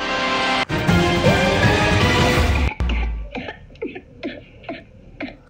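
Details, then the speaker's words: Child's whooping cough (pertussis) during an outbreak: brief music sting, then a run of about six short rapid coughs. "ganito ang ubo ng inyong mga mahal sa buhay lalo na mga bata sa pamilya yung walang tigil at parang nabibilaukan na at naghahabol ng hininga"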